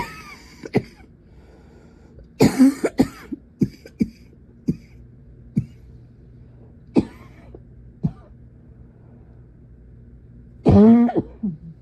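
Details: Young woman's persistent night-time coughing fit lasting much of the night, harsh coughs singly and in short bursts, about a dozen in twelve seconds, some muffled as she pressed her face into a pillow, with throat clearing.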